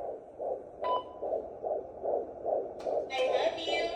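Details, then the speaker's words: Fetal heartbeat of a baby boy on a Doppler, played for the family dog: rapid whooshing pulses around 150 a minute with a brief background voice. "oh Savvy what is that is that baby brother's heartbeat yeah that's your baby brother's heartbeat"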